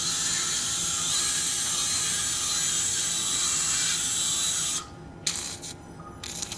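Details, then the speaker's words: High, steady whirring of a bone drill in short bursts, opening very strong bone at the anterior superior angle of the ear canal during transcanal revision tympanoplasty for severe lateralized tympanic membrane after previous surgeries. "I don't have a complete control of this uh anterior Superior Angle now maybe I have to R out a little bit more and check [Music] that really strong bone really [Music]"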